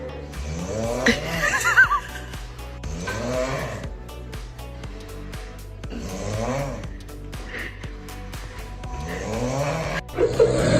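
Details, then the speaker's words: Loud, rattling snores in regular bursts about every three seconds over steady background music, a funny snoring compilation clip. "5 snoring. Filing for divorce. Bro sounds like a yacht. The singer. The chainsaw."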